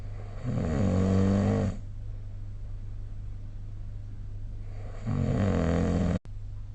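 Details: Snoring recorded with the SnoreLab phone app: two long, loud, low rattling snores on inhalation separated by a quiet stretch, steady background hum; snoring.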